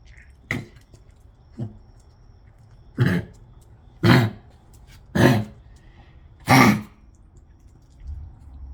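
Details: A cough.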